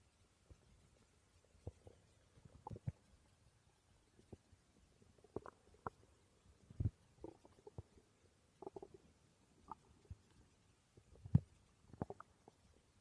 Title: My stomach growling ❤️